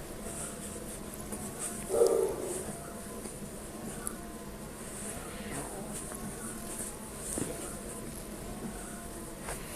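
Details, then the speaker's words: A cat gives a single short, sharp sneeze about two seconds in, over steady household room hum, while a baby plays in a bouncer and the cats wander around. "Bless you. Sneezer."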